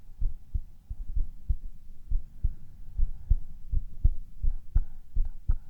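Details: Heartbeat of a man recorded for ASMR: steady paired lub-dub thumps at about 85 beats a minute, a normal heartbeat.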